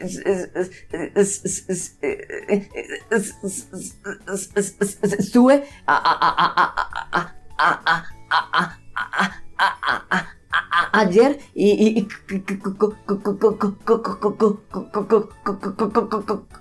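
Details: Imitated sound-repetition stuttering, demonstrated by a man who stuttered himself, with both blocks and repetitions.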